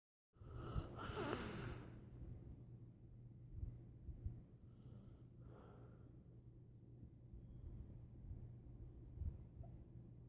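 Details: Sleeping man: one loud, snorting, rough breath, then fainter, uneven noisy breaths in a quiet room; irregular sleep snoring.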